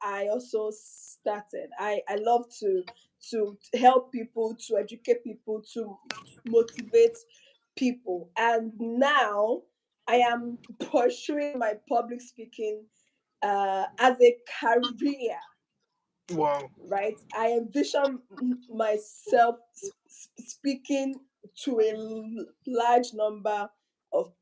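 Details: Inherited stuttering in a woman whose mother also stuttered; word repetitions heard.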